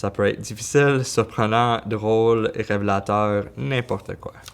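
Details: Adult male speaker; no speech disorder.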